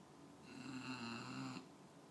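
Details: English Bulldog puppy trying to stay awake gives one drawn-out, buzzing, whistly snore during a single breath; snoring.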